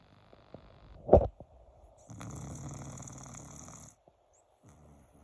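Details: Sleeping dog that snores when laid down and petted: a single soft, rattling snore after a brief bump, in a quiet room.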